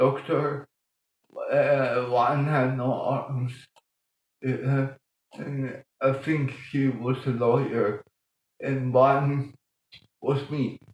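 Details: Adult man born 1958 with mild cerebral palsy from lack of oxygen at birth; childhood speech problems later eased by music-aided breathing changes; dysarthria (cerebral palsy).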